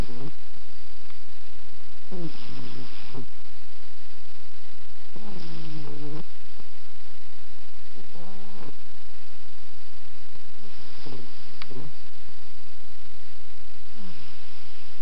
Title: Tobie Snoring!